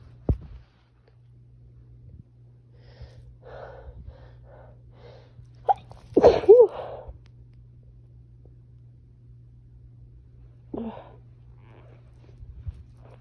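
A steady low hum in the background, a few quick sniffs and catching breaths, then a loud sneeze. Allergy-related sneezing.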